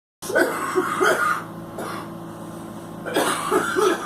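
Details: Girl coughing: two clusters of short, voiced coughs, about three in each, over a steady low background hum.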